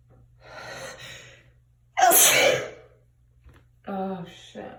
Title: Sneezing in bathroom